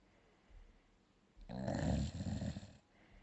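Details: One low, rumbling snore with a fluttering rattle on the in-breath after faint quiet breathing, from a sleeping dog; snoring.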